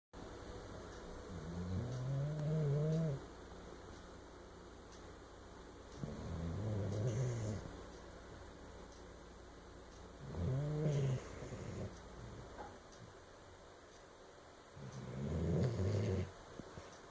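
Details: Sleeping cat snoring: four slow, low rumbling snores about every four seconds over steady background hum.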